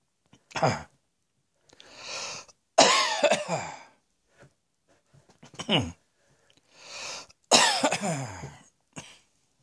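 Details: Repeated coughing in two clusters, each a short hack, an airy inhaling breath, then a harsher longer cough; about six coughs in ten seconds in a small quiet room.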